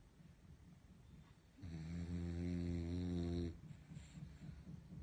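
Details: Calm, comfortable sleeping dog snoring: one long, low, rumbling snore on a drawn breath, then quiet breathing.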